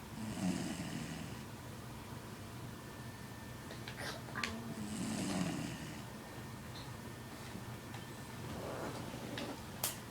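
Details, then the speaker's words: Jack Russell Terrier dog snoring while asleep hugging yarn in a quiet room: rough rattling breaths repeating through sleep with soft snorts between, room noise behind; snoring. "just trying to get the loud snores. Shh."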